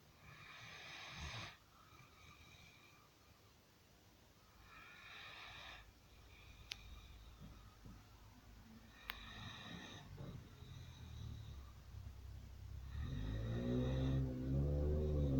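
Rhythmic raspy snoring breaths, roughly every four seconds, growing louder and deeper toward the end; ordinary snoring.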